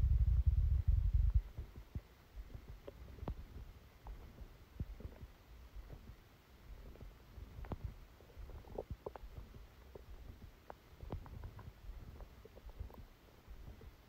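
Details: Loud thump at the start, then quiet, irregular low gurgles and clicks: active bowel sounds during a stomachache after Christmas dinner, recorded while the person slept.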